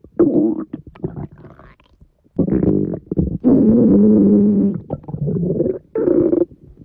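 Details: Stomach rumbling as a Siberian husky puppy listens: low, drawn-out gurgling and groaning rumbles in bursts; stomach rumbling.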